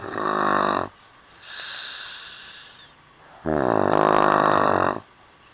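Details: Loud, buzzing, rattling inhaled snores with a quieter breathy exhale, said to be from a young woman sleeping in a hostel; the recording sounds staged and is done in takes ("take two").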